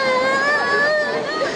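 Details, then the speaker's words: Newborn, a few days to two weeks old, revived by a police officer: a sustained, strong, high-pitched cry showing the baby is breathing again. "okay he's crying he's crying okay he's crying hey it's okay he's crying"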